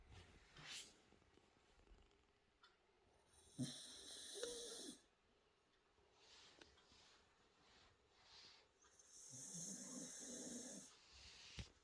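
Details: Cockapoo dog snoring while at the table: irregular, breathy, snorting snores with hissing breaths between them in a quiet room.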